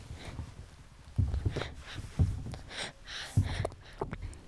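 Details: Breastfed infant girl aged 2 to 5 months, recorded in an anechoic chamber: quick, soft rhythmic sucking and smacking, fast non-nutritive sucking at the start of feeding that stimulates milk letdown.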